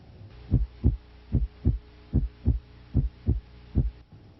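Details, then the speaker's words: Normal heart sounds auscultated at Erb's point: regular lub-dub at about 75 per minute, with S1 and S2 of equal intensity. "at Herb's point the sounds are of equal intensity"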